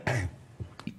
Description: from Take That and his little cough